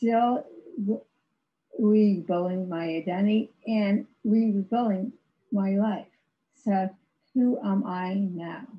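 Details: Woman with severe aphasia after a severe stroke in 2010; no speech for three years, with ongoing speech challenges, recorded in 2021, about 11 years post-stroke; aphasia after stroke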